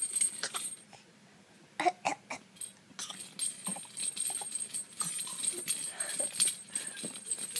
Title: Cough - 7 months